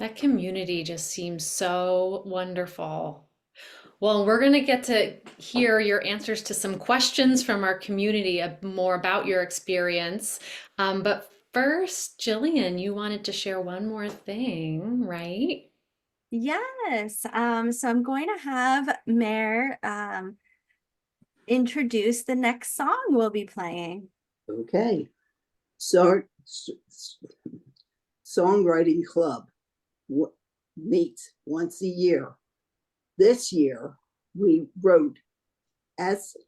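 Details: Adult woman with aphasia after a stroke 12 years ago; she had limited speech for almost 3 years and has had speech therapy since her stroke and aphasia choir singing for 4 years; aphasia.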